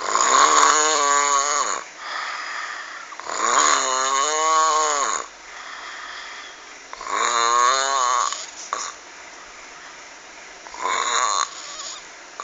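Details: Very loud, harsh rattling snores on each in-breath, about four in twelve seconds, with quieter out-breaths between; frightening heavy snoring recorded on a mobile phone.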